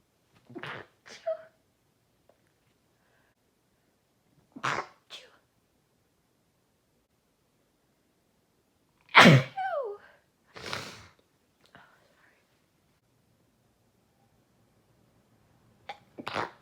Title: Loud sneezes